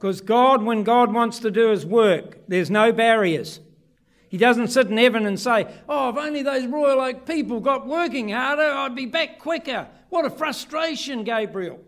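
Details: Adult man; ordinary speech.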